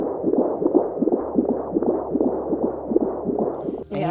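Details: Fetal heartbeat heard on ultrasound during an unplanned pregnancy: fast whooshing pulses at roughly 150 a minute, the typical rapid fetal heart rate.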